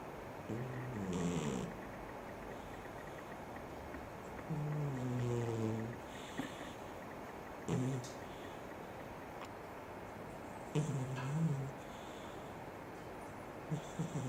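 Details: Cat snoring while asleep: low, rumbling, vibrating snores spaced several seconds apart over steady room hiss; snoring.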